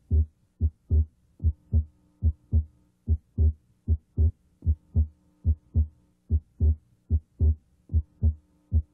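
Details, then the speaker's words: Cardiac auscultation with stethoscope diaphragm at the left second interspace during deeper-than-normal breathing: regular heartbeat about 75 per minute, second heart sound abnormally widely split, the split coming and going with respiration; wide splitting of S2. "try to hear splitting of s2 here it is abnormally wide it comes and goes with"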